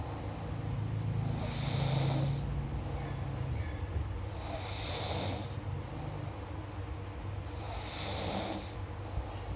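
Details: Steady low rumbling snores from a sleeping person, airy breaths roughly every three seconds over background hum; ordinary snoring.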